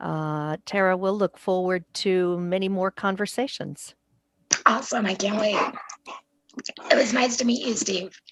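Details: Adult woman speaking; normal voice.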